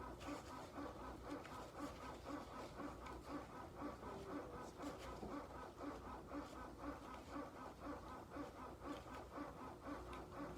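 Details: Medela Symphony hospital-grade breast pump running in a lactation room, with quiet rhythmic mechanical pulsing about once a second as it cycles suction; breast pump running.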